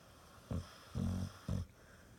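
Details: Dog snoring: three short, low rumbling snores in quick succession from a sleeping dog.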